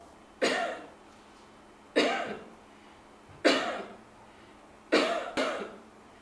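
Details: Five sharp, dry voluntary coughs from an adult woman, evenly spaced with the last two close together, recorded for a trial in Kenya of an AI phone app that analyses cough spectrograms to detect tuberculosis.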